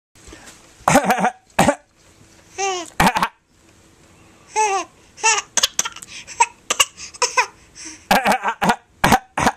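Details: 4.5-month-old infant boy playing a coughing game: short, deliberate fake coughs between squeals and whimpers that quickly turn into a sad cry; he had not slept all day. Recorded with a Flip Video camcorder.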